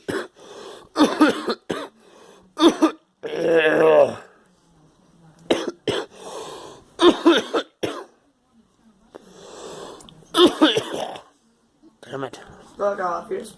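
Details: Adult coughing: repeated bursts of coughing, some with a rough throat-clearing quality, separated by short quiet pauses.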